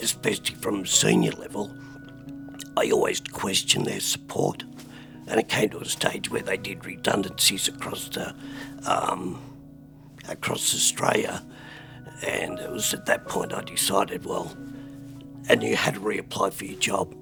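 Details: Adult man with spasmodic dysphonia, recorded at the peak of his botox treatment, given every few months, last injection about a month ago; he says his voice is spasmodic at times and often not understood: spasmodic dysphonia.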